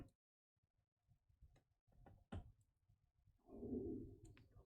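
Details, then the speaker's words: Audible stomach growling (borborygmi), apparently from hunger, during a live art stream: faint, irregular low gurgles and rumbles ending in a longer, louder rumble. "Did you hear my stomach? Did y'all hear that? Did it pick up? What are you feeding me today?"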